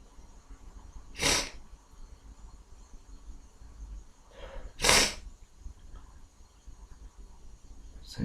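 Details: Two sharp sneezes a few seconds apart over quiet room noise, from an adult who currently has a cold.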